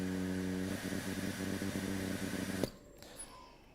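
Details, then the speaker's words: Hamilton T1 ventilator pre-use tightness test with the circuit occluded by a gloved hand: a steady low motor hum with rapid pulsing as pressure ramps up, then a sharp safety-valve release and quiet; the test passed. "indicated that was ramping up the pressure and that was the safety valve we passed the test as indicated by the green arrow"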